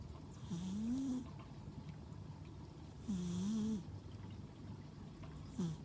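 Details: Loud rattling snores on each in-breath about every 2.5 seconds, with quiet breathing between, from a household pet (apparently a cat) sleeping comfortably in darkness; heavy snoring.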